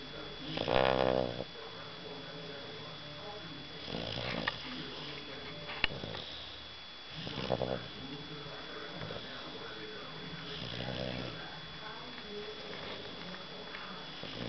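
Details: Sleeping dog snoring: rough, rattling snores repeating every few seconds against steady room hum.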